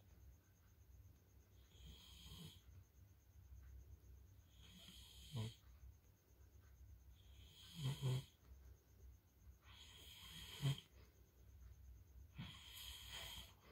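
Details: Loud snoring in sleep, rated "level 3" and very disturbing to others: low, rough rattling on each in-breath, about 22 breaths a minute, over steady room hiss.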